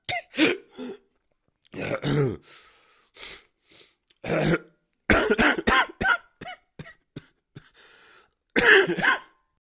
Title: Bad male cough sound effect